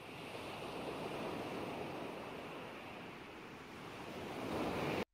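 Soft, steady rushing noise that swells and ebbs like ocean surf, a tinnitus relief sound from a hearing aid, ending in a brief cut.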